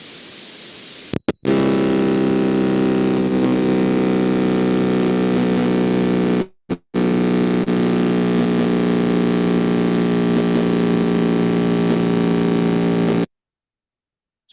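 Steady, machine-like buzz that starts and stops abruptly with unchanging pitch and loudness on needle EMG: a complex repetitive discharge.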